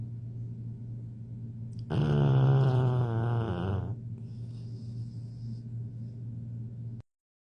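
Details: A sleeping boy who snores like a grown man gives one long, loud, deep rattling snore lasting about two seconds, then quieter breathing; heavy snoring.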